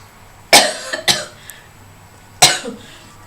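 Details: Three sharp, harsh cough bursts, two close together then one more, in a quiet room, from a person who says they have been coughing all day long.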